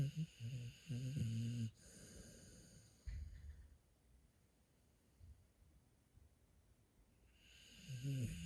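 Soft snorting snores from a sleeping dog, separated by quiet pauses; harmless sleep snoring.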